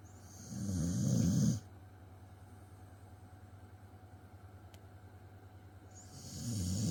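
Two loud, rumbling rattles on breathing in, separated by a quiet pause: snoring, about one breath every five seconds.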